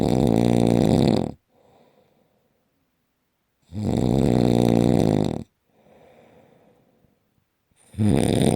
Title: Worst Snoring Ever!!!